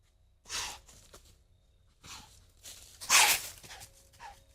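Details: Buck deer on trail camera during the rut: sharp, hissing bursts of air forced through the nose, repeated with short pauses; snorting.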